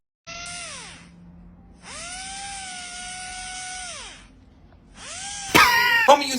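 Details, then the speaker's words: Interproximal reduction on an orthodontic patient's teeth: bursts of whining motor noise that rise and fall in pitch as a polishing strip thins the tooth edges; described as routine. "this is called ipr interproximal reduction it's actually really normal you see your teeth fit like a puzzle and sometimes your puzzle pieces are too big or too small"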